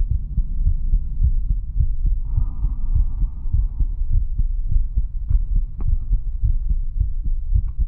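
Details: ASMR heartbeat recording: steady, deep heartbeat thumps at roughly 100 beats a minute with a faint hum behind them; normal heartbeat.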